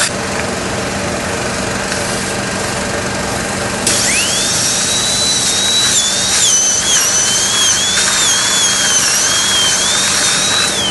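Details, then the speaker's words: Dental surgical cutter drilling bone for a basal (BOI) implant in the mandible with 3 mm bone height above the mental foramen, deepening a 7 mm vertical osteotomy cut toward 12 mm; steady high-pitched whine wavering in pitch over motor noise. "so the 7 mm cut has been performed the disc has gone in inserted inside so I still have to continue going okay further in because we have to go all the way 12 mm so let me cut some more"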